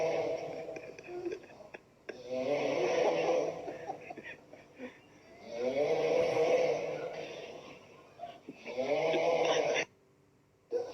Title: Coronavirus security snoring after broadcasting